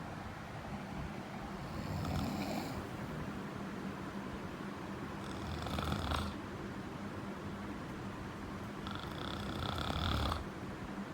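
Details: Three noisy, rattling breath sounds about four seconds apart over steady room noise: snoring.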